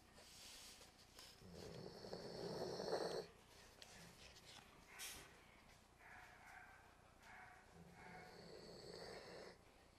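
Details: A sleeping dog snoring at a dog daycare clubhouse: snuffling, rattling breath noises with soft snorts.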